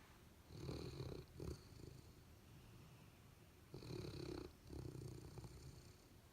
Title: Dog Snoring: Golden Retriever and Labrador